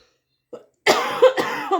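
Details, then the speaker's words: Run of about three harsh, closely spaced coughs after a faint throat sound from an adult: cough. "Moi, c'est pareil. J'arrête pas de tousser depuis tout à l'heure."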